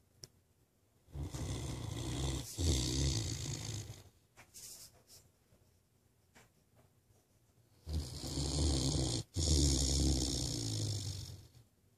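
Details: Snoring in Ace, a Great Dane: loud, deep, rumbling snores from a large dog, two long rattly breaths with quiet pauses between them.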